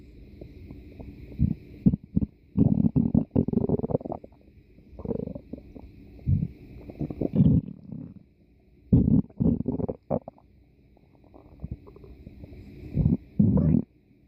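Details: Loud, low gurgling and rumbling bursts come and go over a faint steady hum; ordinary stomach growling (borborygmi).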